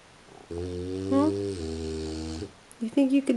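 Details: French Bulldog snoring in her sleep at 3:45 a.m.: one long, loud, humming snore-like breath with a rising squeaky note, then a brief snort.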